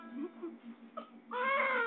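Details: Sudden loud, sustained pain cry from a baby during ear piercing, preceded by whimpering and background adult talk: an acute infant pain cry.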